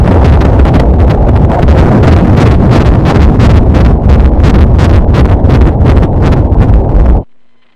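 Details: Fast, steady whooshing fetal heartbeat on Doppler ultrasound at roughly 170 a minute with heavy low rumble, at 32 weeks 5 days of pregnancy; baby now head-down, amniotic fluid and placenta normal.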